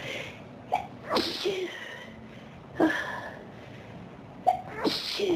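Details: Three sneezes in quick succession, each with a sharp inward catch and explosive release; an intense sneezing fit.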